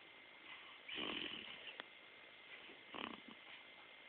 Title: Snoring.3gp